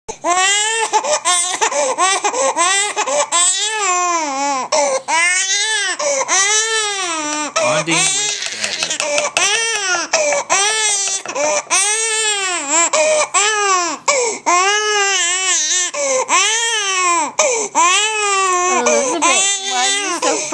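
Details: Overtired baby girl at bedtime who could not be consoled: loud, continuous rising-and-falling wails without pause; infant crying.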